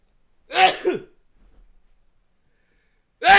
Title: WHO SNEEZES LIKE THIS?!